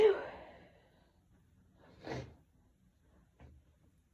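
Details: Hitchy sneezing: a loud sneeze burst followed by two smaller breathy hitching sounds like build-ups or sighs: sneezing.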